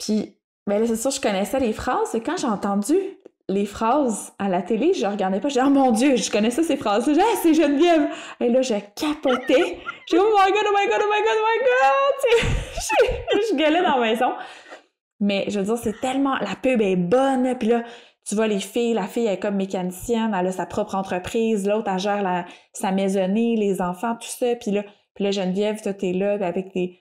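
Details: Stuttering in an adult woman who stutters, speaking spontaneously in French in a podcast conversation.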